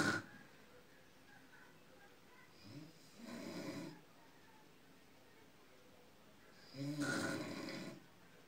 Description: Grandma's snoring silent mode